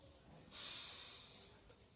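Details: Adult male patient, guided by a nurse in an acted demonstration, takes one long, steady, airy deep breath lasting over a second as part of a deep breathing exercise before an effective cough.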